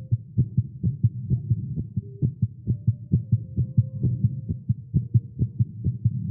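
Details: Male, exercising with caffeine; tagged irregular heartbeat. A rapid, fairly regular heartbeat at about 130 beats a minute over a low hum: a fast heartbeat.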